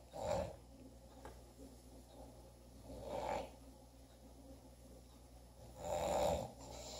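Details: Three rough, rattling snores about three seconds apart, roughly 20 breaths per minute, over quiet room noise.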